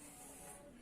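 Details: Person with a cough, lying down, receiving steam therapy from a small portable nebulizer: a steady hiss with a faint hum as the device runs.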